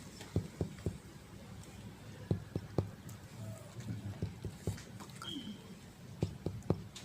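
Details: Short, dull finger-percussion taps in sets of three over the heart, a solid organ, giving a flat, solid note, contrasted with lung percussion in the intercostal spaces; dull percussion note over the heart.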